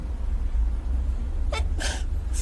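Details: A quick sharp intake then a forceful noisy burst with a smaller trailing burst over low background rumble: a sneeze from a K-pop idol caught on camera.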